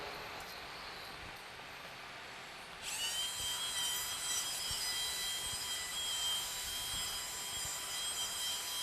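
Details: Soft rushing, then steady high-pitched drill whine with faint grinding pulse; surgical drill cutting bone laterally toward the skin, widening the frontal sinus during a Draf III outside-inside cadaver demonstration.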